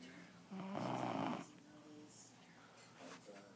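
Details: Stepson asleep, snoring: one harsh, rattling snore with a softer breath after it, in a quiet room; ordinary sleep snoring.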